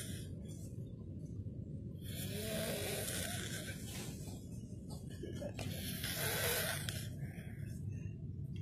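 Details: Filipino man, a waiter, asleep after a 12-hour shift, snoring loudly through an open mouth: two long, rough, hissing snoring breaths over a constant low background hum.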